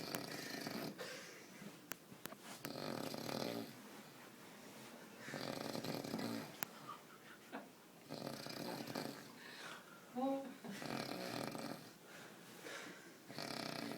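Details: Rough, noisy breathing sounds in a quiet room, about one every few seconds, somewhat irregular, consistent with snoring.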